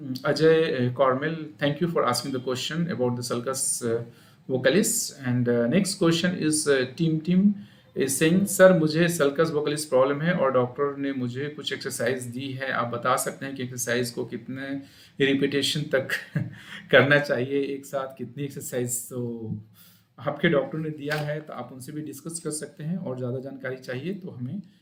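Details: Adult speaker; typical adult voice.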